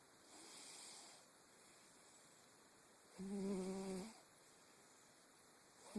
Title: Snoring kittie.